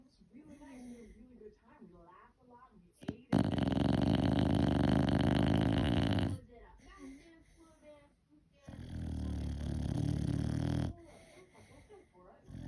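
Two long, loud, rattling snores from a small dog, with snuffly breathing between them. Snoring.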